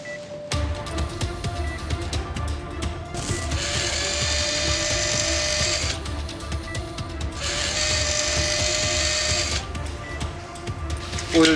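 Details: TV drama operating scene (simulated), bone fixation with sternal plate and screws: bursts of high, steady powered surgical bone drill whine over background music and room noise.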